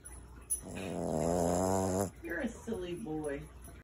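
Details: A sleeping dog snoring: one long, buzzing, vibrating snore followed by shorter snorting breaths.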